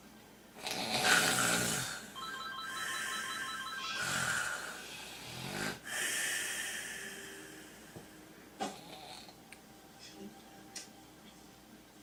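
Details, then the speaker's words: Man with sleep apnea, recorded asleep: loud, rough snores repeat, then breathing goes quiet. Snoring with obstructive sleep apnea and a pause in airflow. "this would occur throughout the night several times stop breathing so i never really entered uh deep sleep"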